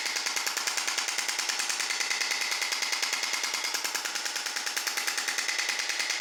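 Fast, steady mechanical tapping at about 146 pulses a minute, a monotonous hammering from a shock wave therapy device at work.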